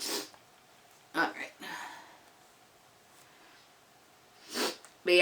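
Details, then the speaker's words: Adult woman sniffling with nasal congestion while applying makeup and sunscreen: short wet sniffs and snorting nasal breaths separated by quiet pauses. "that lovely congestion nothing is more exciting than listening to somebody with the sniffles"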